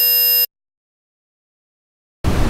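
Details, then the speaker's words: Simulated tinnitus: a brief, piercing, high-pitched, buzzy square-wave tone, then silence, imitating tinnitus ringing. "Can you hear a whistling, buzzing or hissing in your ears? You could have tinnitus."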